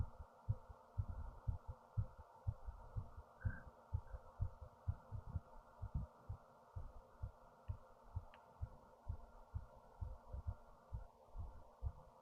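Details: Person's own fast heartbeat, heart racing after standing up, with fast breathing, recorded via a headphone speaker: rapid, steady low thumps at roughly 115–120 a minute over a faint hum, tachycardia.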